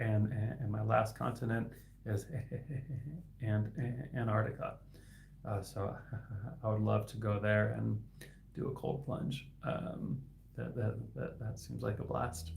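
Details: Speech of an adult man who stutters and is a licensed speech-language pathologist, with sound and word repetitions and blocks; stuttering.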